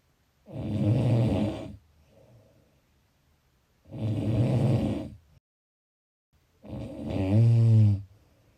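Loud, rough snoring on three long breaths, about 19 a minute, with quiet pauses between them.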